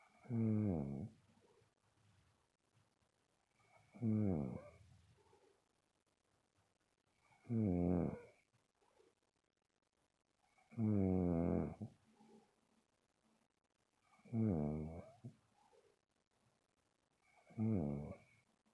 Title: More Angel Bear snoring